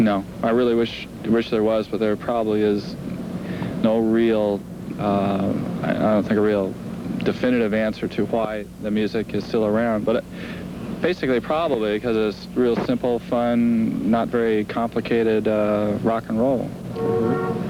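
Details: Adult male speaker; ordinary speech.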